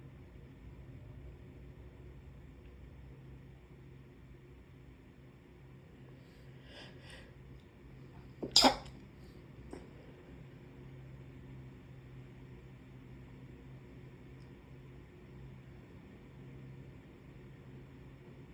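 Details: Puppy with a cold sneezing: a single sharp sneeze against a quiet background with faint snuffles.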